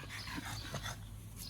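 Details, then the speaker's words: Young pug puppy, warm, breathing noisily with rough snuffling panting; noisy breathing (brachycephalic airway). "C'est parce que je garde ce petit Carlin. Voilà qui a bien chaud. Qui a bien chaud."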